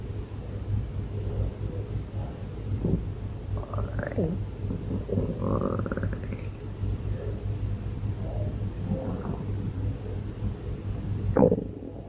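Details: Stomach growling (borborygmi): continuous low rumbling with several rising gurgling squeals from gas and fluid moving through the gut.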